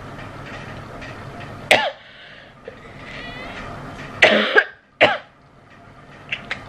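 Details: 15-year-old girl, sick with fever, nearly lost voice and unable to breathe well at night: three short, dry coughs over a few seconds in a quiet room.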